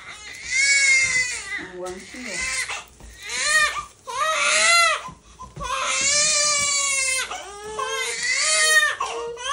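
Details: Two-month-old baby crying after routine vaccination shots: loud, sustained, high-pitched wails with brief catches of breath.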